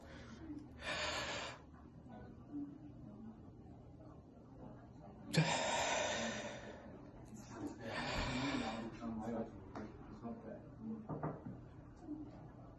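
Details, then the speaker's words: Demonstration of a breathing exercise for active Covid-19 infection to aerate the lung bases and prevent secondary pneumonia: deep noisy breaths with five-second breath-holds, then a big voluntary cough on the sixth breath to clear the lower airways. The demonstrator felt dizzy afterwards. "so two cycles of deep breaths hold your breath for five seconds breathe out sixth breath on each cycle you will do a big cough to open up the lower Airways and cough up anything okay so I'm going to do that now"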